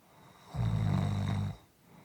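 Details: Soft, quiet snoring: a single low, steady buzzing snore lasting about one second on breathing in, in a quiet room.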